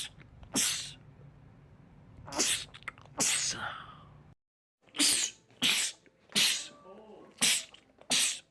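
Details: Adult man in a compilation of rapid sneezing attacks: seven sharp explosive sneezes in quick succession, split by a short gap; a rapid sneezing fit.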